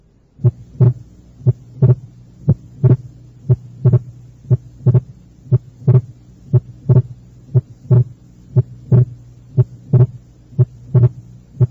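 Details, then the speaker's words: Wide splitting of S2 in right bundle branch block in a teaching recording at the second left intercostal space: a regular heartbeat near 59 a minute, with S2 split during expiration and the split widening on inspiration. "eso fuera un desdoblamiento anormal del segundo ruido cardíaco como se encuentra en el bloqueo de la rama derecha el segundo ruido cardíaco está desdoblado durante la expiración y el desdoblamiento aumenta en la inspiración"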